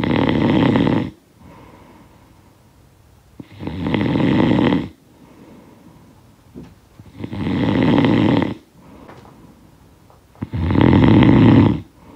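Loud, rattling snores on each breath in, about 17 a minute, with quiet breathing out between them. Sound-effect recording of snoring.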